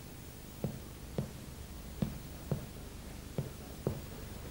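About six short, flat percussion taps with little ringing afterward, giving dullness on percussion over the liver, unlike resonant lung.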